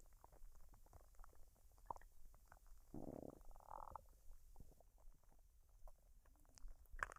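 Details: Adult woman's belly after a meal of fried rice and duck: gurgles, clicks and a brief low rumble, unedited with no artificial sounds added; normal bowel sounds.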